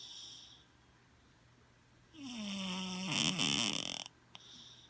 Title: Snoring Cat